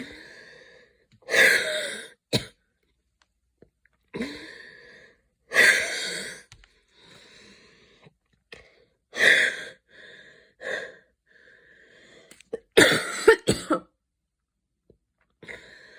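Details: Coughing fit with wheeze after an evening run in cold air, a little asthma attack: repeated harsh coughs in bursts, about 17 a minute, with whistly breathing between them.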